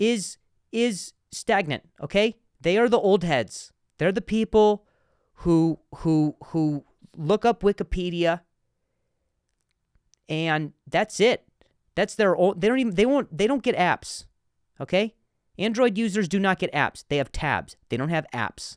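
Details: Adult male comedian who speaks with a stutter, in a podcast monologue; word repetitions are heard; stuttering.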